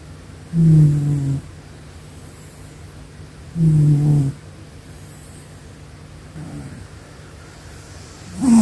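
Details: Sleeping cat snoring softly and rhythmically, about every three seconds, roughly 20 breaths a minute; harmless sleep snoring.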